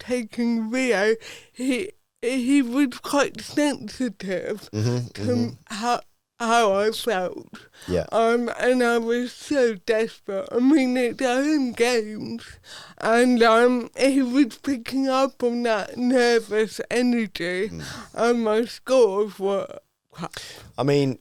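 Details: Adult woman, Paralympic dressage rider with athetoid cerebral palsy whose speech is affected by it, previously self-conscious about her speech; dysarthria (athetoid cerebral palsy).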